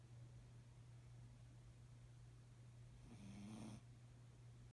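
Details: Snoring from Zeus lying asleep on a pillow, said to sound like a hog.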